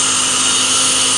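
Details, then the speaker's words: Deka CO2 dental laser (10,600 nm, 4 W continuous) vaporizing diseased gum tissue in periodontal disease treatment, sweeping around the gingival sulcus: steady, loud high-pitched hiss with faint hum of laser and suction; CO2 dental laser in use. "but we're going to treat this patient with the CO2 laser and see what happens"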